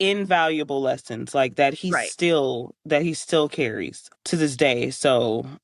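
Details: Adult woman speaking; Normal speech.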